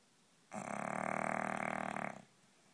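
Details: English Bulldog snoring loudly: one long, loud, fluttering rasp on inspiration, a heavy snore typical of a flat-faced dog.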